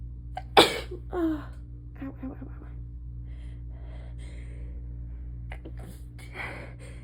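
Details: A rapid fit of muffled, suppressed sneezes while lying down, with quick gasping breaths between, over steady room hum; stifled sneezes.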